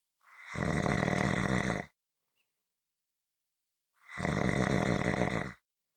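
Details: Two long, loud, rattling snores about four seconds apart, with silence between: snoring.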